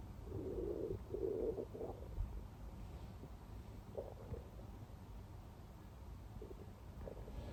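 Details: Close-up recording of continuous stomach growling: low gurgling rumbles and bubbling bursts, loudest early, then softer irregular gurgles over faint background hiss, active bowel sounds (borborygmi).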